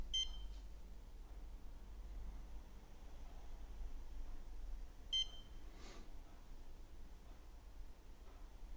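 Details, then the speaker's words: Woodpecker iLED dental curing light polymerizing 3M Filtek Z250 composite in a depth-test gauge, beeping at five-second intervals to mark curing time; two short electronic beeps over low room hum. "the lamp beeps from five every five seconds so we can make an estimation when the polymerization will end"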